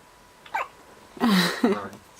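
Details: 8-day-old newborn: brief abrupt catches of breath with small voiced sounds; hiccups.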